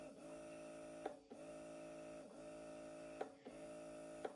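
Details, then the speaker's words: Bellababy electric breast pump running in first mode at level 6: a steady motor hum rising and falling about once a second with soft clicks. "ഇത് ആദ്യത്തെ mode. Okay, ആദ്യത്തെ മോഡിൽ level 6 നമുക്ക് കിട്ടും. Okay, ഇതാണ് sound."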